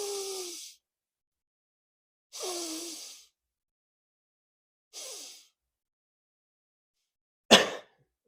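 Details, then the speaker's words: Voluntary breath-stacking technique: three breathy, hissing inhalations in a row without exhaling, then one sharp forced cough to clear the throat or any phlegm. "So you're stacking your breaths in order to force a cough. Kind of clear your throat."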